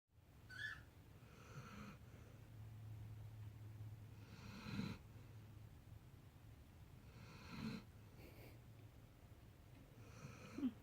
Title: Snoring Kai... :)